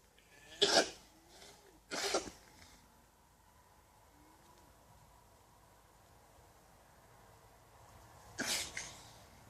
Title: Sneezing Alpacas